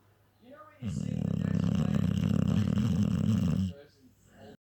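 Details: Staffordshire Bull Terrier (staffy) in deep sleep: one long, loud, low rumbling snore with softer snuffling breaths before and after: snoring.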